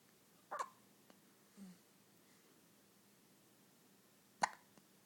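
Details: Hiccups in a boy: two sharp, brief hiccups about four seconds apart, with a faint softer sound between, in a quiet room.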